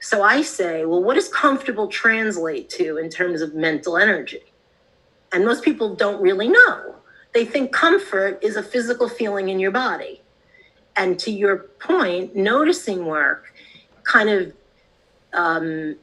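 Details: Adult woman; typical speech.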